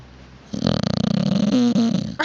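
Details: Female chow chow dog snoring while asleep: a loud, rattling, fluttering snore with a low vibrating tone through the breath.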